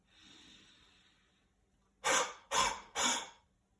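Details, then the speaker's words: A slow deep breath in, then three forceful open-throat breathy huffs without a cough sound; a demonstrated huff (forced expiration) technique for clearing mucus in chest infection or COPD. "this is forcing air out without there being the obstruction of the in the in the windpipe to stop the air leaving so we don't get the noise of a cough which is produced in our windpipe and our voice box or larynx it's just helping us a shift mucus"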